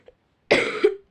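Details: Girl who says she is ill gives a single harsh cough burst ending in a brief voiced tail, in a quiet room; cough.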